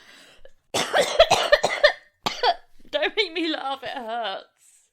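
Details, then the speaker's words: Run of several harsh, wet coughs ending in a strained, groaning vocal sound from an adult podcast host, who says that is just how they usually cough. "What? That was just my coughing. That's just how I cough."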